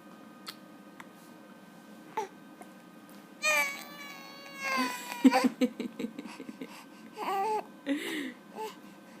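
Brief whimpering cry sounds and fussy vocal bursts from an infant over quiet room noise: mild infant fussing and crying.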